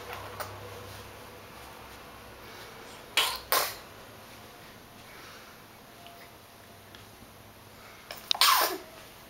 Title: poppy sneezes